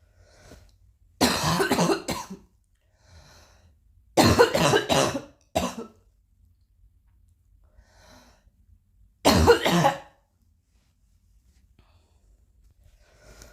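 Three bouts of harsh coughing, each a burst of two to three coughs, separated by quiet pauses in a small room.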